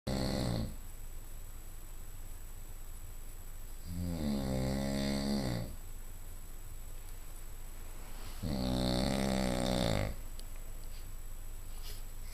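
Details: Married man snoring: loud, rough snores on each in-breath, quiet breathing out between, about every four seconds, roughly 14 a minute; snoring.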